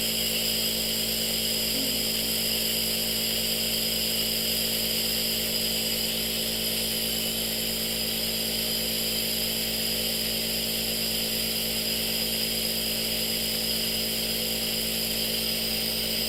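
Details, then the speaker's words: Simulated nurse roleplay: steady, loud mechanical hum and buzz of an aerosol nebulizer compressor running continuously, delivering medicated vapour through a hand-held mask during a first breathing treatment for breathlessness. "okay okay now it's very loud okay the mist will probably be cool it's very loud okay so I'm gonna push the button in three two one okay"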